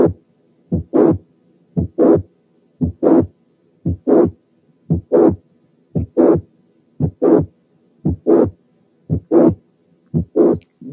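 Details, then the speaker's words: Mitral regurgitation from mitral valve prolapse: regular heartbeat near 57 a minute; first half of systole quiet, then a late systolic murmur builds and runs into the second sound. "ده بيحصل في حالات الماترال ريجيرجيتيشن اللي سببها برولابس اوف ذا ماترال فالف."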